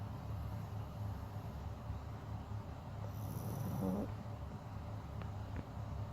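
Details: Snoring during sleep: low rumbling breath noise with a brief snorting burst over a steady background hum.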